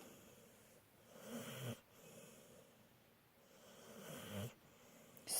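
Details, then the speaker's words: Soft, rhythmic snoring from a female pit bull resting, possibly awake, two rattling in-breaths with quiet out-breaths between; snoring. "You stop snoring all of a sudden? I can snore even when I'm awake."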